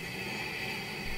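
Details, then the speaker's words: Steady, unbroken airflow hiss with a low rumble: the running noise of a CPAP machine, a sleep apnea treatment. "that's the sound of a CPAP about half of the people who are prescribed to sleep happened don't like it and don't use it"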